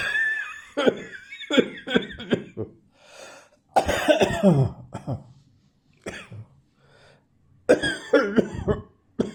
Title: Dry Coughing from Atmospheric Dust